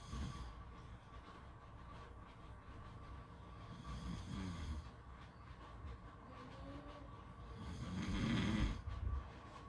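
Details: Soft, rough snoring breaths rising and falling in sleep, one louder snore near the end, recorded at a beach over steady background rumble.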